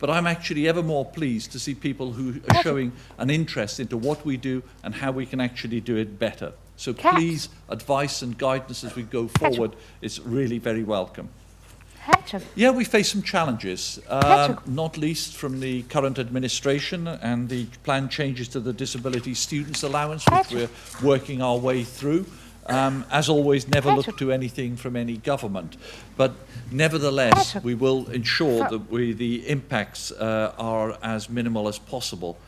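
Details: Adult man speaking; ordinary speech.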